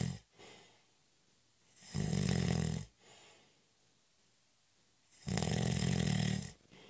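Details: Snoring during a short, light nap (a doze): two loud, low rattling snores about three seconds apart with soft breathing between; ordinary snoring.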